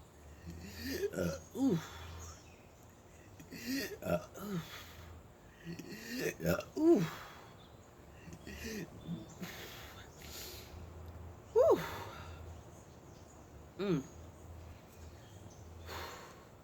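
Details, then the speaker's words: Person with multiple sclerosis during a burping spell, with stomach discomfort and air bubbles caught in the chest: repeated short throaty belches, about 13 a minute at irregular intervals, over faint low room noise. "I don't know what I'm burping, so. God. Whew."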